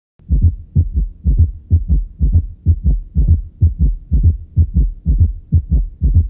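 Steady low heart sounds, about 60 a minute, with extra soft thuds giving a four-beat gallop rhythm.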